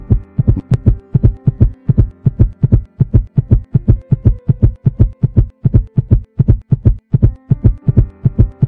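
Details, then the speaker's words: Simulated steady, regular heartbeat thumps over soft music, stated as about 72 beats per minute: a normal heartbeat of a person at rest, from an animated explainer on how the heart works. "when a person in arrest you can see the heart beating rate is normal and BPM rate is up to 72"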